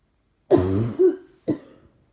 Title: Trying not to cough seems to make it happen more. Coughing & more coughing